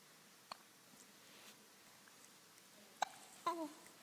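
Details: Hiccups in someone contemplating a toy giraffe: a few sharp, brief hiccup-like bursts in a quiet room, one followed by a short voiced sound.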